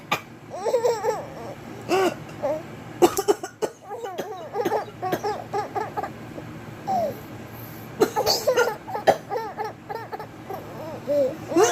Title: thinks coughing is hilarious